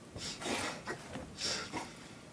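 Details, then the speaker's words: A dog gives a quick series of dry, snorting hacks, as if coughing something up; the owner is worried and suspects pollen or dust; hacking cough in a dog. "He's been making this sound lately. I have to take him to the vet. This sound worries me. It's like he's coughing up something, you know?"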